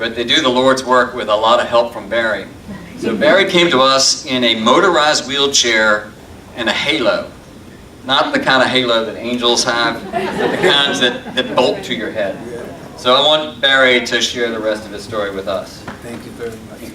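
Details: Adult male speaker; typical speech.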